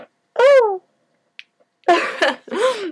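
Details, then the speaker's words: Sneeze from a sick woman with a cold caught over Christmas, with sore throat, followed by an odd noise after the sneeze. "And if you're coughing and sneezing, which I have to sneeze, so if I do, okay."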